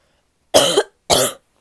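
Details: Female: two loud, harsh coughs with a barking quality, part of a barky coughing fit.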